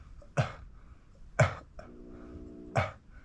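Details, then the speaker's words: Adult with spinal cord injury, about a week after COVID infection, demonstrating their normal cough, which cannot clear throat mucus: three short, soft, low-force coughs in a quiet room; weak cough. "I can't cough up all the mucus that I have in my throat and U this thing helps me do it I'll show you how my normal cough is about this"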